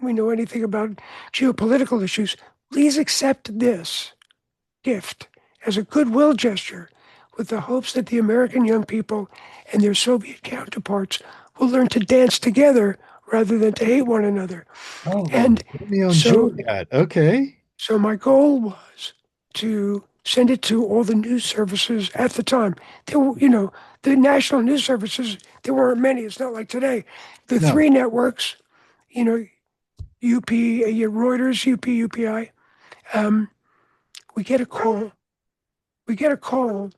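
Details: Adult man whose voice was altered by throat cancer, treated with surgery, radiation and two years of experimental chemotherapy, with no recurrence since: voice change after throat cancer treatment.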